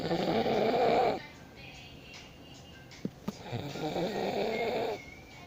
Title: Dad snoring